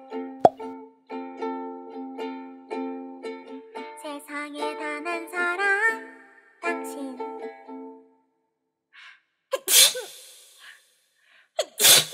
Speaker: 뭐야 재채기 왜 이렇게 많이 나와 뭐야 노래 불러도 되나요 재채기님 저 노래해도 되나요